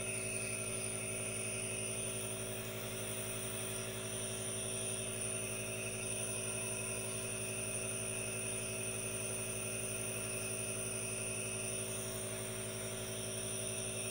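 Continuous steady motor hum with a constant hiss and no speech: an aerosol nebulizer running.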